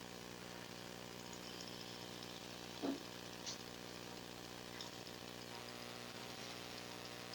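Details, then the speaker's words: Steady motor whine of a powered arthroscopic shaver with occasional chattering bursts, clearing the old torn ACL from the intercondylar notch during left knee ACL reconstruction with hamstring graft. "so next we're going to get to work on cleaning out the old torn ACL I'll show you some more in a little bit okay so we're just cleaning out the notch so we have room to put in a new graft"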